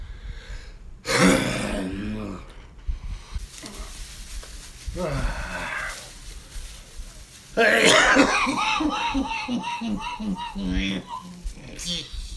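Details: Several harsh, forceful coughs in bursts with throat clearing and groaning between them in a small room; coughing fit.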